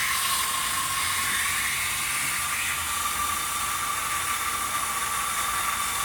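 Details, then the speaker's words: Dental air-water syringe spraying with high-volume evacuator suction, rinsing phosphoric acid etch off a tooth for about 10 seconds during a dental sealant demonstration on a simulated patient: steady hissing spray with a sucking suction whir. "I get my high volume evacuator and I get my air water syringe. I'm gonna put it right over the tooth first."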